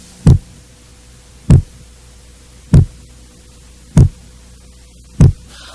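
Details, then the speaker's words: Regular low, dull heart thuds at about 49 a minute during a cardiovascular exam demonstration. This illustrates the first heart sound (S1), produced by mitral and tricuspid valve closure. It is longer and lower-pitched than S2 and best heard at the central focus. "a primeira bulha corresponde ao fechamento das válvulas mitral e tricúspide sendo que o melhor ponto de ausculta é o foco central seu som é mais prolongado e mais grave do que o da segunda bolha"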